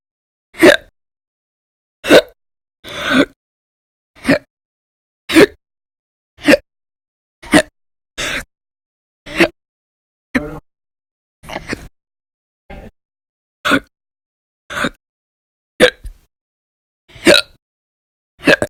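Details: Persistent, violent hiccups, loud or silent, recorded January 2020, with daily episodes lasting hours (about 11–13 hours a day in late December 2019); about 17 abrupt hics in under 20 seconds, roughly one a second, some loud, some faint.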